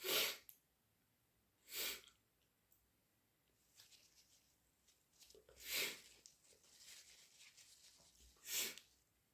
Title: Induced flu sneezes and blows